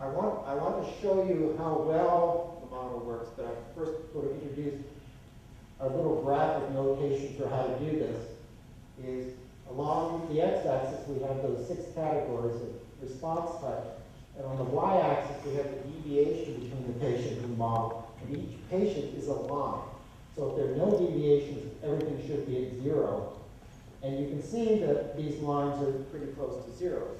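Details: Adult man lecturing; normal speech.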